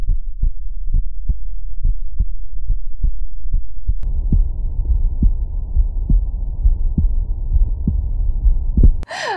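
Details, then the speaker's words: Speaker's own adult heart heard in real time through a Stemoscope handheld digital stethoscope paired to an app: regular low paired thumps about 70 a minute, deep crisp normal heart sounds. "the nicest thing about this is when you are listening to it in real time you get the nice deep crisp noises of the heart sounds"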